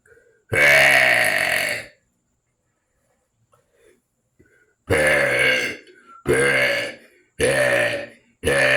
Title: Burps For You part 10